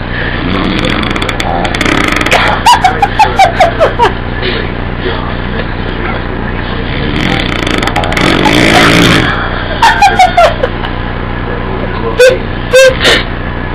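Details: Adult man (dad) snoring while asleep: loud, rattling, fluttering snores in several bursts over steady background noise.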